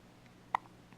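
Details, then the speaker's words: Baby with hiccups, seemingly surprised by them: one brief, abrupt hiccup in a quiet room. Hiccup. "Oh Oh little baby hiccups oh we felt your hiccupping just like this and you're still in mommy's tummy"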